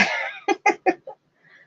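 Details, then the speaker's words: Adult man coughing in the background: a longer harsh burst followed by three or four short, sharp coughs; plain cough. "you can probably hear my dad coughing in the background which means he's awake"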